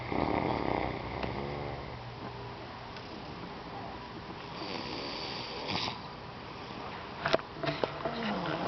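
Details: Grandma and grandson snoring: a rough, rattling snore, then quieter breathing with faint room noise and a few clicks.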